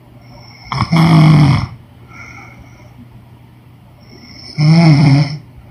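Two loud, throaty snores on breathing in, about four seconds apart, with a soft breath between. Snoring during sleep.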